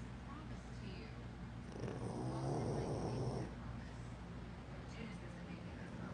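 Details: An 11-year-old pug sleeping on a hotel bed under blankets gives a low, rattling snore that swells once and fades; snoring.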